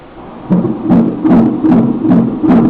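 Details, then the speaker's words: Doppler fetal heartbeat at a 22-week morphology ultrasound of a male fetus: rapid, regular whooshing beats, 146 per minute, described as fine; a normal fetal heart rate. "Barulho do coração. 146 batimentos por minuto, tá ótimo."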